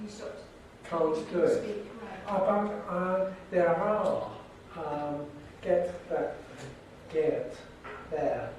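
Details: Severe aphasia after a stroke in a man who reads somewhat better than he speaks; aphasia.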